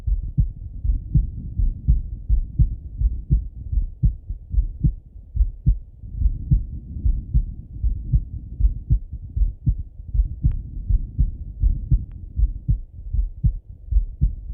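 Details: Male heart auscultated with a stethoscope, recorded either sitting at a desk or lying in bed: steady low thumping heartbeat about 78 beats a minute; normal heart sounds.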